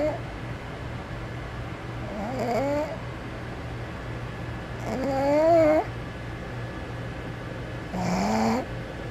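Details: Sleeping pug snoring: three drawn-out, whistling, honking snores on inhalation over a steady room hum; a flat-faced dog snoring in slumber.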